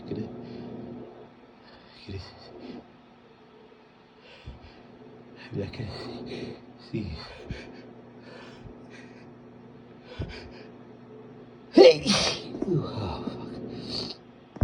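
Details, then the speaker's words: Person with a cold trying not to sneeze despite a tickle; gasping inhalations build up, then one loud explosive sneeze. "tickles, but I'm not gonna sneeze anymore. I'm not gonna sneeze. No. No sneezes."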